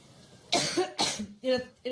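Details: Three harsh loud coughs close together in a short coughing fit while speaking at a public event in Ohio; coughing fit.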